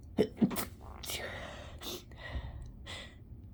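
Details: Stifled chhinkni sneezes with the nose pinched: quick catching inhalations, then muffled, suppressed sneezes and a breathy release in a quiet room.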